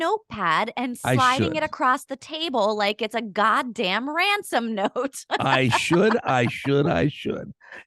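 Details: Adult woman speaking; normal adult speech.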